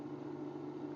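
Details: Gele GE1-5L-W medical-grade oxygen concentrator, maximum 5 L/min output, switched on and running: a steady low motor hum.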